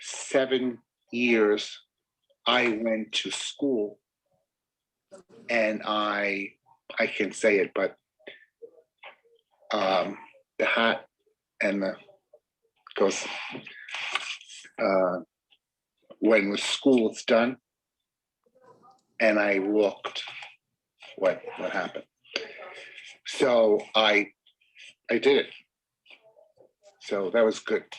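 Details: Mild aphasia in an adult man: followable but choppy, with circumlocution, describing a word he could not retrieve instead of saying it.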